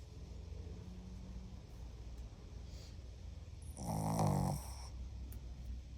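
A single low, rough, fluttering inbreath stands out against a quiet steady hum in the room. Snoring from a sleeping dog.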